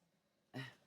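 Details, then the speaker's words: A sleeping pet dog snoring in the background of a quiet room: a single brief, low, rattling snort rising out of near-silence. "You can hear some snoring going on."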